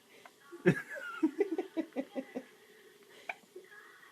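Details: Newborn girl on her first day of life, very sleepy, with a quick run of about eight soft, short, jerky voiced catches in under two seconds: baby's first hiccups.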